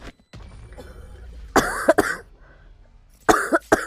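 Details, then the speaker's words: Cough from a girl who says she caught a very bad cold, with a sore throat and a lost voice: two pairs of harsh coughs over quiet background sound during a gaming stream. "하실래요 감기가 아주 세게 걸려가지고 기침소리 많이 드리고요 양 부탁드립니다"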